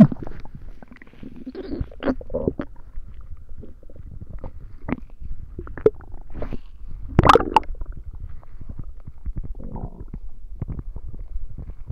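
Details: Irregular low rumbles and bubbling gurgles from the belly, louder gurgle midway, during a tummy ache; borborygmi.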